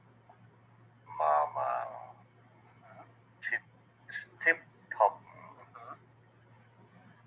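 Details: Stroke patient reading the NIH Stroke Scale item 10 word card, still understandable and scoring 1; mild to moderate dysarthria.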